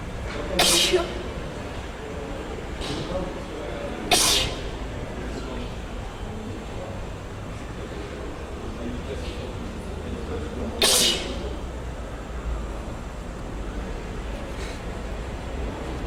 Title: 4 Screen Sneeze